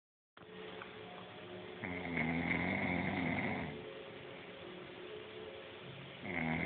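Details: Person asleep and snoring: loud, buzzing, vibrating snores on the breath with quieter stretches between them.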